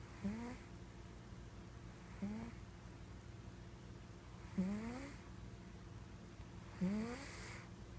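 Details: Pet cat snoring; four short, rising nasal snores about two seconds apart over low background hum.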